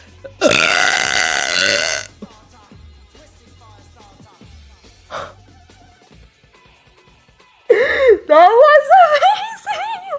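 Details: One long, loud, drawn-out burp, then quieter sounds and a burst of laughing or singing-like voice at the end: a loud burp.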